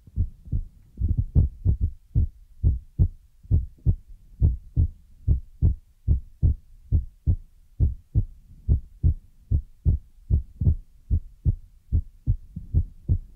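Soft, deep, regular double thumps of a heartbeat, about 73 beats a minute, with nothing else in the background.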